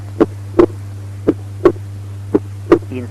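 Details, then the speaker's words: Normal heart sounds over the pulmonary area, steady at about 57 beats a minute, with physiological splitting of S2 during inspiration. "Normal heart sounds in the pulmonary area with splitting of S2 during inspiration."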